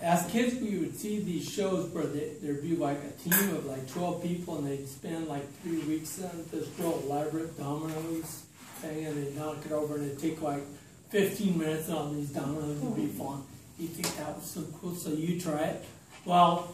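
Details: Adult man with slowly progressive, evolving ataxia diagnosed in 2003, affecting his speech, writing and balance, giving a talk at an ataxia support group; ataxic dysarthria.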